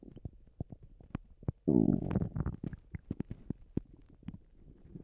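Gurgling, bubbling abdominal rumbles with a longer low growl partway through; active bowel sounds of gas and fluid moving through the gut.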